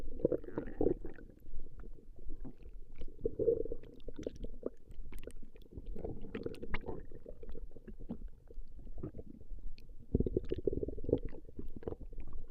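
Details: Stomach growling recorded from a woman over a 20-minute session: low rumbling and gurgling come and go, with a louder burst near the end; borborygmi.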